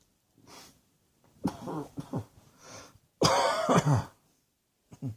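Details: A run of harsh, throaty coughs in short bursts, some clustered together, in a quiet room.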